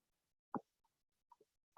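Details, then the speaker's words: Jaw opened wide and slid side to side during a yoga jaw stretch, heard through earphones: a few soft, brief pops in near silence; temporomandibular joint clicking. "And you can probably hear my jaw popping through my earphones."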